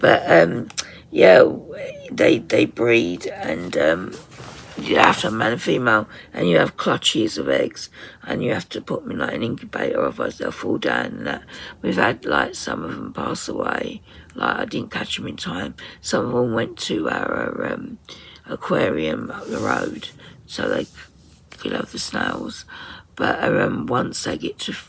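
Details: 57-year-old woman with tight, stressed vocal cord muscles, beginning after COVID pneumonia, also affecting swallowing; ENT found mucus and laryngeal infection; voice distorted, sometimes unable to speak; in speech therapy; muscle tension dysphonia.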